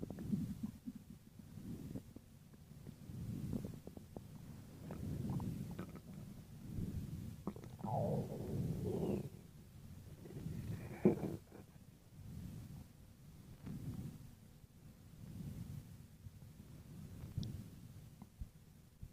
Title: (REUPLOAD) stomach growling